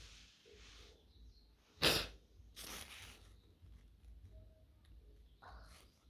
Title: Wide Nose Sneezes Africa.